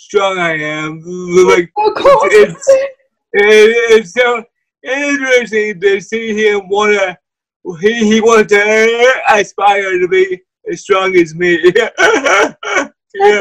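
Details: Wheelchair user with cerebral palsy: dysarthria (cerebral palsy).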